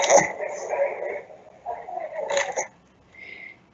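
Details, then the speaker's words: Weak cough in a neuromuscular disease patient asked to breathe in deeply and cough: faint, soft, low-force cough with little inspiratory component, some glottic closure, cough peak flow significantly lower than 230 L/min. "So with this cough, it was harder to hear, especially I appreciate there was some background noise in the video. There was less movement, there was less of an inspiratory component."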